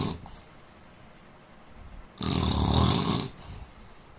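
One loud, harsh, rattling snore lasting about a second, with quieter breathing before and after.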